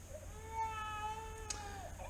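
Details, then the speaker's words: Single sustained, high-pitched wailing cry from a SimBaby paediatric simulator mannequin used in healthcare simulation training; simulated infant crying. "first of all we can make simbaby have various sounds from crying"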